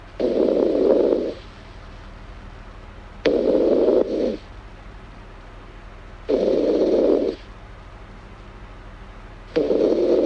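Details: Snoring in a sleeping girl, ASMR recording: regular rough snores on each breath in, about 20 a minute, with quiet pauses between them; ordinary snoring.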